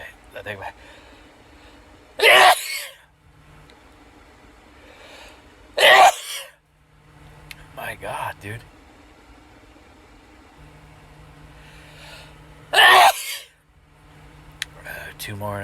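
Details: Three forceful sneezes in a run of repeated sneezes, each with a quick in-breath and explosive burst, separated by breathing and brief low vocal sounds.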